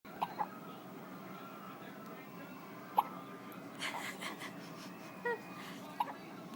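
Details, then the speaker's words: Several brief, sharp hiccups at irregular intervals in a quiet room from a baby boy; infant hiccups. "He's like, how dare you? How dare you film me while I have hiccups?"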